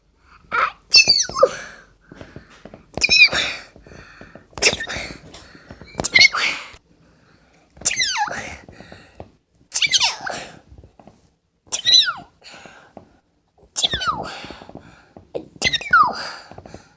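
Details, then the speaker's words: A run of about eight sharp, high-pitched sneezes with short breaths between, in a small quiet room; self-induced but real sneezes from a person who says their sneeze is weird and eyes watered. "It's my sneeze. My eyes are actually watery. That's actually my real sneeze."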